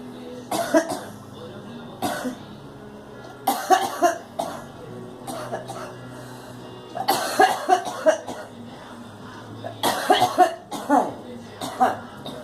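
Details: Girl coughing: several short bursts of coughing, some in quick runs, with a steady background hum in the room.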